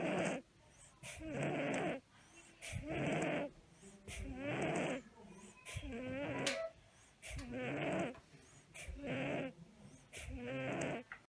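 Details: Educational example of stridor and wheezing in a child: fast, noisy breathing with musical, whistling and harsh tones from narrowed airways.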